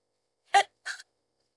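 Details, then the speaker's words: Likely AI-generated hiccups, built from combined old audio files: two short, abrupt voiced bursts in quick succession while the speaker says hiccups have kept her awake for 15–20 minutes at bedtime. "oh uh excuse excuse me I'm really trying to fall asleep man that I care due to these hiccups oh hiccups excuse me"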